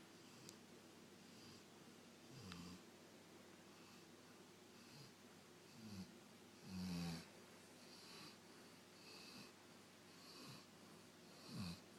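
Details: A rescue dog snoring while asleep.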